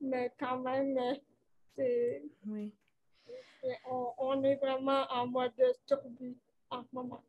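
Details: Dysarthria from cerebral palsy in a 29-year-old woman, caused by lack of oxygen at birth; she appears to mention speech difficulties; real conversational French speech.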